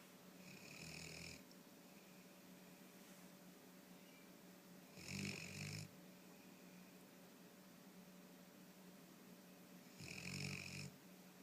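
Three rattling snores about five seconds apart over steady room hiss, roughly 12 breaths a minute; snoring during sleep.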